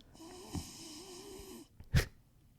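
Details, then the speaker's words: A pet dog asleep: one long, whistling, wavering breath followed by a short snorting puff; dog snoring. "it's just like, you can hear your dog snoring. That's awesome."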